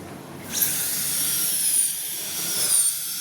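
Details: High-pitched steady whine of a dental drill, rising and falling slightly in a small room, during pulpectomy treatment of teeth.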